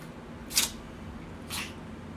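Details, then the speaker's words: A female cat sneezes in the background for unknown reasons: two brief, sharp, hissing sneezes about a second apart over a quiet room hum. "And you can probably hear my cat sneezing in the background. I don't know what she's sneezing about, but anyways,"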